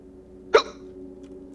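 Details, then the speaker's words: Single short, sharp hiccup over a steady low background hum, from a person during a live-streamed co-op game; they have had recurring hiccups, got rid of them once, then caught them again. "you still got the hiccups you can't get rid of him I got rid of him once and then I got caught him again"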